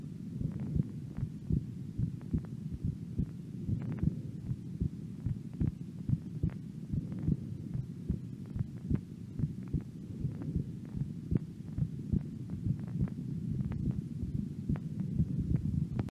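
Steady low heart thumps at about 74 beats a minute, a normal resting heartbeat.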